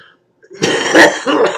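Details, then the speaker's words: Adult gives two harsh, rattly cough bursts, a rough throat-clearing smoker's cough; the cougher jokes about dying from COPD, and the cough is described as a smoker's cough. "Oh no! I have I think I'm dying from COPD when I cough like that. I'm sure."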